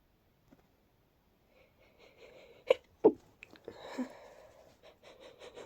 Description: I'm coming down with a cold, so my nose decided that would be a fun fit to have at night 🥲🫠... So congested and breathy, almost buildupy